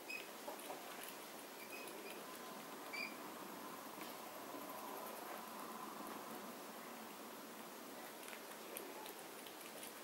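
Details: Happy pet rat grinding its teeth (bruxism), with eyes fluttering: faint, rapid, steady gritty patter, a sign of contentment.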